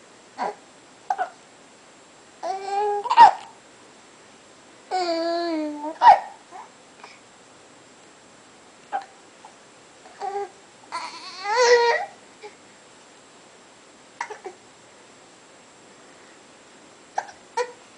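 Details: 3-month-old infant hiccuping: short, abrupt catches recurring every few seconds amid babbling and cooing.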